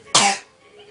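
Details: A single short, dry cough from a child, deliberately produced in a joking family video rather than a true illness cough.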